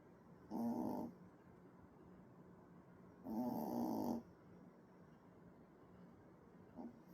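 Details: Loud rasping snores on two breaths, then a faint third, about three seconds apart, from a sleeping baby puppy sounding like a snoring man; ordinary snoring.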